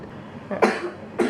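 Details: Two short, fairly weak coughs from a young girl with mild fever and cough, possibly ordinary flu caught from family, given cough and fever medicine that morning; cough.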